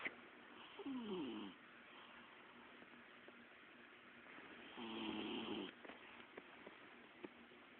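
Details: Female bichon frise dog snoring during sleep: two slow, rough snoring breaths about four seconds apart with a low fluttering tone over quiet room noise; ordinary snoring.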